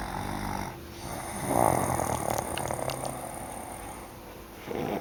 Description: my sister n my mum snoring